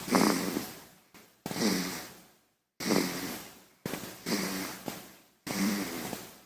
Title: baby snoring Sound EffectHD